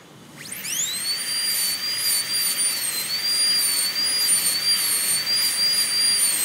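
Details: High-speed dental handpiece on a typodont: a steady, piercing high-pitched whine rises to speed and holds, wavering slightly as it cuts an MOD ceramic onlay preparation on tooth #18, dropping the proximal boxes.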